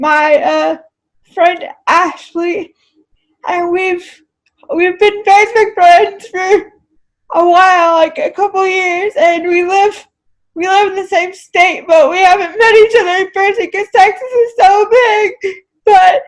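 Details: Dysarthria in a woman with cerebral palsy who uses a wheelchair; finding: dysarthria (cerebral palsy).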